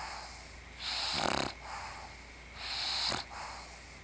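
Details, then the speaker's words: Bulldog sleeping, worn out after playing with her pug friend: rough, snorting snores with a whistling edge, two breaths in a few seconds, typical of a short-nosed dog; snoring. "Wears you down, huh, Scarlet? And that was y'all's Bulldog snore break for the day."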